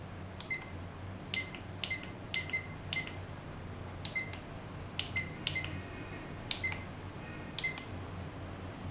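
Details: About eleven short high-pitched beeps as keys are pressed on an SK 602 infusion pump while entering body-weight-mode settings (patient weight 75 kg, drug, volume 100 ml), over quiet room hum; normal keypad feedback.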